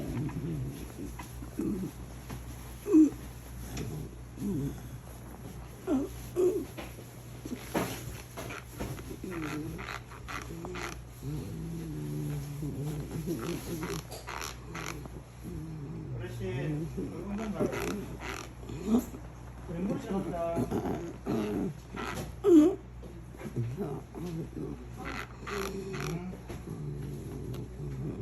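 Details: Vocal tic occurring together with choreoathetotic movements and bruxism, the tic being stopped by brain stimulation.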